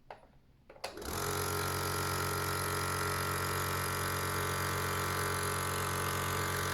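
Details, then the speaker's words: A click, then a steady loud motor hum and buzz as an Omron C102 Total compressor nebulizer is started with its nasal shower attachment; compressor nebulizer running. "now I plug the other side of the tube into the nozzle Shore and now I start the compressor"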